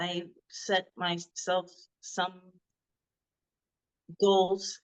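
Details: Adult woman, a former model, with non-fluent (Broca's) aphasia first diagnosed after a hemorrhagic stroke. She could not talk for 2 years and is now recovering.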